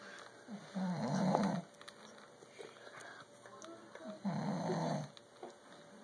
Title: Snoring man